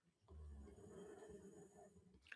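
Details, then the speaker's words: Dog named Chloe sleeping under the microphone gives one drawn-out, low, rattling snoring breath of about two seconds. "Oh, I'm sorry. Chloe's under the microphone again. Can you hear her snoring?"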